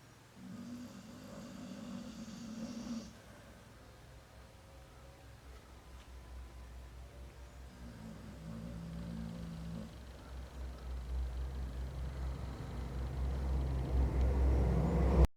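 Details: Sleeping dog snoring: low, rumbling breathing sounds in slow repeated waves, growing louder toward the end.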